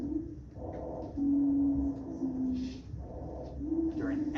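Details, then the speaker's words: Teaching example of a wheeze: loud, high-pitched musical whistling on expiration with faint music behind, from a narrowed airway (bronchospasm, mucosal edema, mucus or aspirated foreign object suggested as causes). "Um, could be from bronco spasm, could be from mucosal edema or airway swelling, mucus, buildup of mucus or aspiration of maybe a foreign object in the airway that narrows the diameter of the airway."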